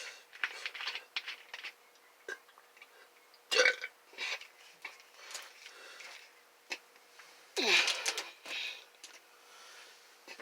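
Several short, throaty bursts of varying loudness in a quiet room; repeated belching, swallowed air being released.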